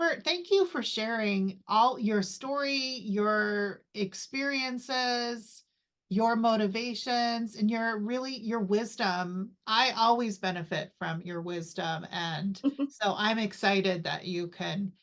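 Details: Adult female speaker; Normal speech.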